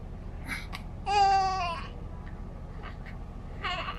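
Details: Short, high-pitched cry with fussy whimpers in a quiet room from a newborn boy just after an unmedicated induced birth at about 39 weeks; normal newborn cry.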